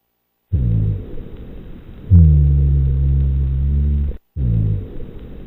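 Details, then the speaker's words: Rhonchi in an NCLEX teaching recording: low-pitched, continuous snore-like sounds, starting on inspiration and continuing on expiration, from airway secretions and narrowing. "it really does sound like a snore doesn't it ronai sounds really do sound like a snore somebody snoring"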